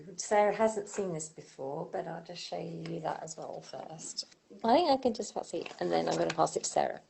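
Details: Adult speaker; Normal speech.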